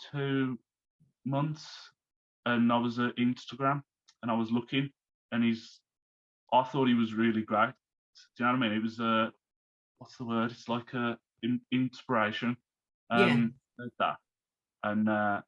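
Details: Man, 34, who had a stroke at 33 about three months earlier, lost speech, reading and writing, and is recovering; speech is worse when tired; aphasia after stroke.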